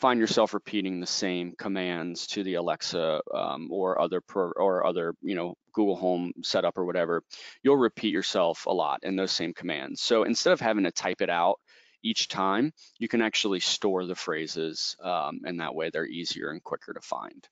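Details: Adult male speaker; normal speech.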